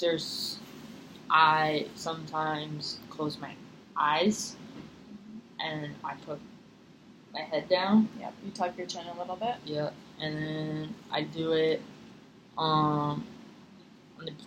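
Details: Female client in a stuttering therapy session producing stuttering blocks, with the clinician signalling by hand when to release the stutter (pull-out/release technique); stuttering.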